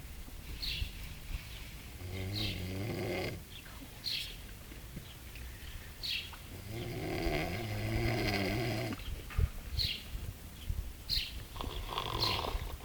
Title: snoring in la marina